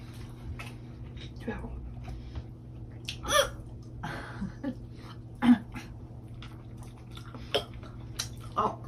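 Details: Woman having hiccup attacks while eating a meal with pork: several abrupt, sharp gulping sounds at irregular intervals over steady room hum; hiccups.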